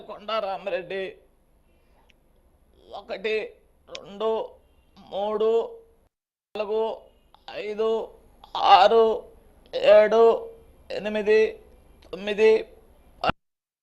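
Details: Spasmodic dysphonia, a central nervous system disorder; a typical case.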